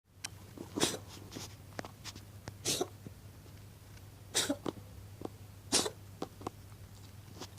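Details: A cat coughing: four short, harsh, hacking bursts over several seconds with small clicks between, in a quiet room.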